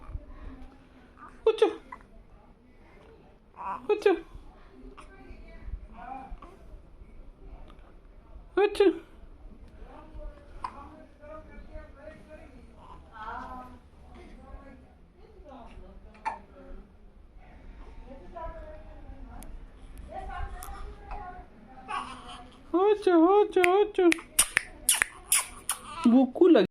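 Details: Baby having hiccups: several abrupt, brief hiccup sounds a few seconds apart, then fussing and whimpering.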